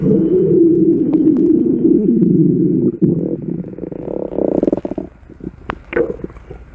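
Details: Long low rumbling gurgle breaking into bubbly pops; ordinary stomach growling (borborygmi) recorded from a woman's belly.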